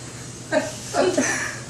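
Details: Mother sneezing while getting her nose pierced: a short sharp intake followed by one explosive sneeze in a small room.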